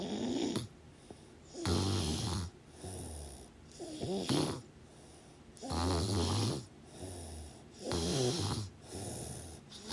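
Loud, rattling snores on breathing in, with quieter breaths out between them, about 15 breaths a minute; snoring during sleep.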